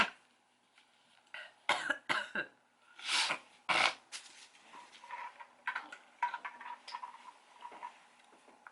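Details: An adult sick for four days gives a cluster of about five short, harsh, unproductive coughs, followed by quiet rustling and clicks in a small room; dry cough.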